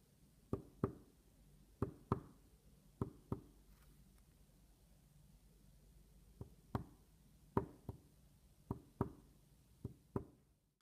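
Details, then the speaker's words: Chest percussion demonstration, middle finger striking the middle phalanx of the other hand's finger: paired taps each giving a hollow knock; normal resonant percussion note. "is to use the middle finger we hit the middle bone in order to percuss properly and here i demonstrate how to do it properly"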